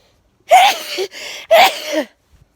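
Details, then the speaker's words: Daytime sneezing just after eating chips and sausages on a hot day, with no known allergen: two sharp sneezes, each a quick in-breath then an explosive burst, in a quiet room. "got my camera on time another daytime sneeze"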